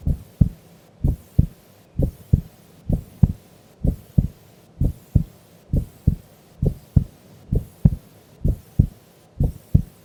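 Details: Heartbeat of a sleeping female during an afternoon nap: regular, crisp, evenly spaced lub-dub beats at about 63 a minute, normal resting rhythm.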